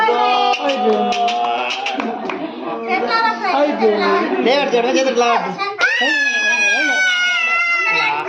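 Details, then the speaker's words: Baby girl during a traditional ear piercing: loud, sustained, high-pitched wailing with sobbing catches and hiccups between cries; crying in pain. "అయితే ఎలా ఏడుస్తుందో మీరే చూడండి. అసలు పాపం చాలా ఏడ్చింది."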